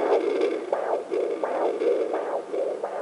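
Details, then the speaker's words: Home fetal Doppler placed far left on the mother's lower abdomen over an artery: fast rhythmic whooshing at about 116–118 per minute, the mother's own arterial flow often mistaken for the baby; maternal arterial pulse. "what that is is you're hearing the blood flow in and out of the arteries. So, it's fast. And a lot of people mistake that as a baby, but it's not the baby."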